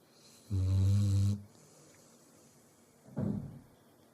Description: Luna, Our Labrador, Snoring.